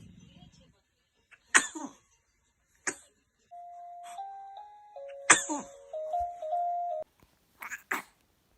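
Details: Several sharp, explosive sneeze bursts among steady musical tones in the background; repeated sneezing.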